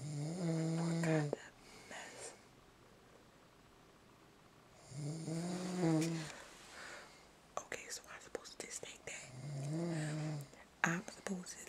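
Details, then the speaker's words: Adult man sleeping in bed at night, denies snoring: deep, buzzing snores on each inhalation roughly every five seconds, with faint whispering and rustling, snoring likened to a wild boar. "He sound like a wild boar. A wild boar. This is the stuff I have to go through at night."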